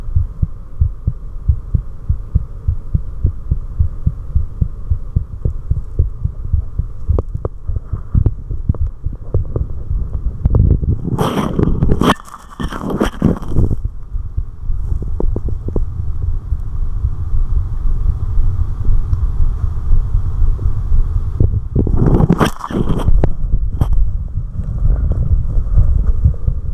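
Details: Recorder's own heart at rest: steady low thumps that grow noticeably further apart as a carotid sinus reflex sharply drops the heart rate; normal heart sounds with reflex slowing.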